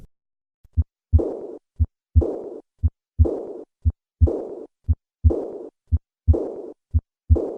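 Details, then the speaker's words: Regular heart sounds near 58 a minute with a long blowing murmur fading after the second sound: severe aortic regurgitation. "acute aortic regurgitation can occur as a result of trauma endocarditis or aortic dissection this once again to the sound of severe aortic regurgitation"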